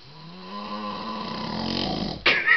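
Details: Adult man asleep in a hotel around 2 a.m., rising, buzzing, rattly snore on a long breath ending in a loud snort, likened to pig and cow noises; heavy, incessant snoring.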